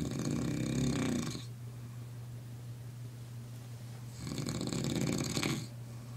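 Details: A person's snoring: two long, rattling snores with a quiet gap between them and a steady low background hum.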